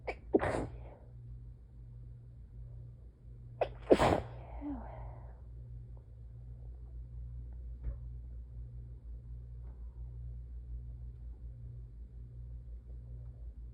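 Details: Two sharp explosive sneezes a few seconds apart, each preceded by a quick breath, over steady low room hum; sneezes.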